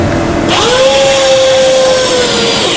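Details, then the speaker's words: Powered intraosseous drill giving a steady high motor whine as it drives a needle through the leg bone into the marrow, delivering adrenaline for cardiac arrest patients. "It may sound painful as it goes through your leg, but it might just save your life."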